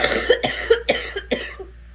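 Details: Girl coughing: four quick, harsh coughs in a row, fading at the end.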